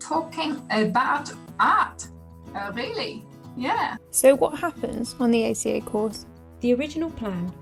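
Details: Adult woman speaking, possibly with a second voice; ordinary speech.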